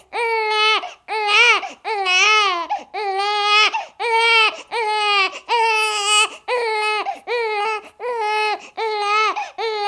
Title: Sound of a Crying Baby for 30 minutes